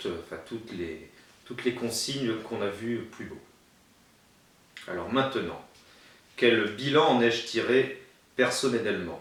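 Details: Adult male who has a stutter and attended a stuttering therapy course in 2005; stuttering.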